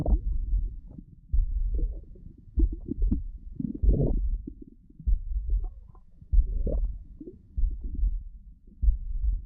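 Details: Stomach growling (borborygmi): low, gurgling rumbles that come and go in surges, from gas and fluid moving through the gut.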